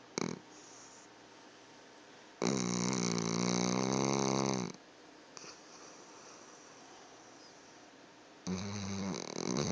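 Loud, rattling snores in separate long breaths with quiet pauses between them, typical dog snoring.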